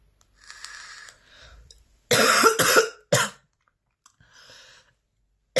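Several forceful, harsh coughs in a quick burst, with breathing sounds between them, making up a persistent coughing fit.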